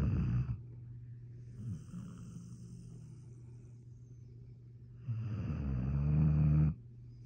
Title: Redbone Coonhound Snoring🤣🤣🤣#shorts#viral#pets